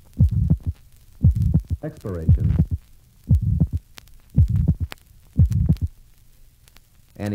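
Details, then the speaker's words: Pulmonary stenosis, recorded at the pulmonic area (second left intercostal space) during inspiration and expiration: heartbeat near 58/min, ejection mid-systolic murmur, abnormally wide second-sound splitting that increases with inspiration, with a soft pulmonary component. "or second left Inner Space is suggestive of pulmonary stenosis pulmonary valve closure is delayed and abnormally wide splitting of the second heart sound is conspicuous"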